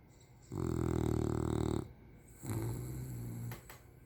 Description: Silly English bulldog fast asleep, way too comfy.